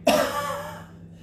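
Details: Cough: one short, sharp cough that fades quickly, with a slight hum behind it.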